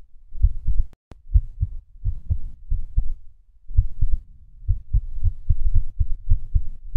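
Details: Irregular heartbeat with skipped beats.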